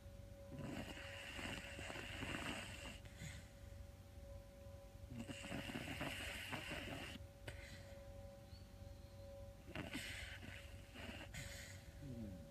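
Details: Shadow sleeping and dreaming: three rough, noisy snoring breaths about every four to five seconds (roughly 13 per minute) over a steady hum and room noise.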